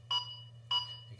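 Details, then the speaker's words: Two sharp, evenly spaced electronic beeps from an AED's CPR metronome, pacing chest compressions after a shock, in a demonstration of defibrillator use by an ambulance service trainer. "can hear the CPR gets quicker as the person gets more confident with it and it will continue to do this now for two minutes"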